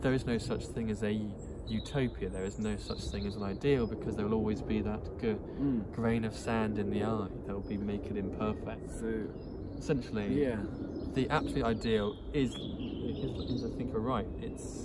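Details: Stuttering (stammering) in an adult who stutters, who is using speech techniques.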